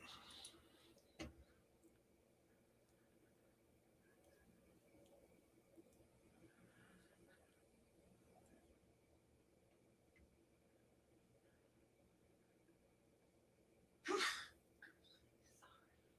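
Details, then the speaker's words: A single small, sharp sneeze from a female who has been sick for two weeks, breaking a quiet room with a steady low hum. "Y'all hear that little sneeze? She's been sick for two weeks."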